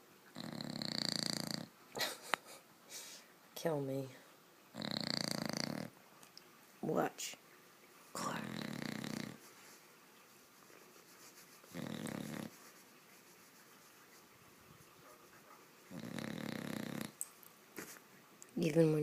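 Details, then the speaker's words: Seven-month-old female bulldog puppy, a loud snorer, asleep on a bed: regular rough, snorting snores with each breath, about eight in twenty seconds, with quiet pauses between; snoring. "can you anybody sleep with this snoring and she's in the middle of my bed snoring like"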